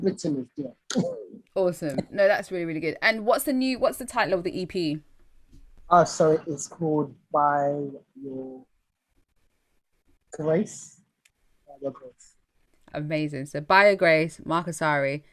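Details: Stuttering (stammering) in an adult male singer with a lifelong stammer; his own conversational speech, with repetitions.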